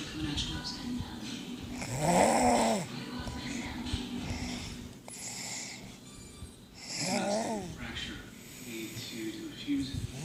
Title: Snoring